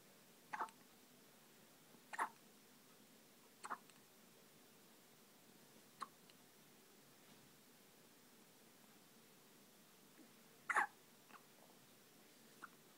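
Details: Newborn baby boy in hospital, nearly 24 hours old, with hiccups: six brief sharp hiccup sounds at irregular intervals in a quiet room.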